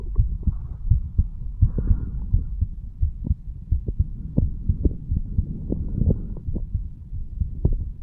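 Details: A 35-year-old male, standing, recorded his own heartbeat at the mitral (bicuspid) valve area: low, soft paired thumps steady at about 85 beats a minute over a faint hum, normal heart sounds.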